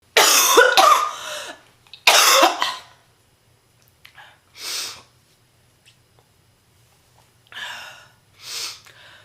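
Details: Heavy smoker, female, acutely sick: two harsh, loud, deep coughing bursts followed by quieter wheezy breaths; real, not acted, smoker's cough.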